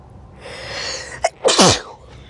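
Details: Quick indrawn breath then a sharp, explosive single sneeze after repeated build-up and tickling; ordinary sneeze.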